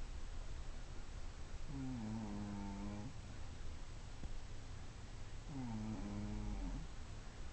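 Two low, tonal, buzzing snores about four seconds apart over steady background hiss: snoring during sleep.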